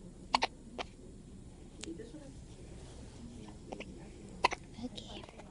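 Quiet room with sharp, brief catching sounds, a close pair early and another later, fitting hiccups.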